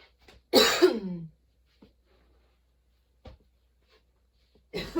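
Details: Sudden-onset nonstop coughing fit that kept worsening, bringing tears and repeated position changes for comfort: one forceful harsh cough burst with rough tail, quiet breaths, another cough starting; coughing fit.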